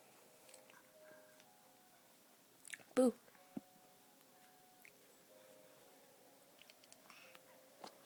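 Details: Cough startling a baby; cough sound in a home setting.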